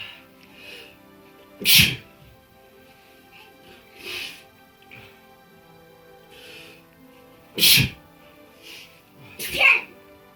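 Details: Repeated sneezing; three sharp, explosive sneezes with softer sneeze-like sounds between them, over quiet background music.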